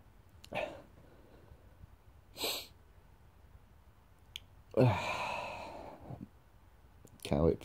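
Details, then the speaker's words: Daily morning sneezing attacks in February, which the person blames on dust and mold in the house: several short explosive sneezes in a quiet room and one longer sneeze with a drawn-out exhale, an allergic-type sneezing attack. "So I keep sneezing. Every morning, just really need to clean so much dust and mold in this house."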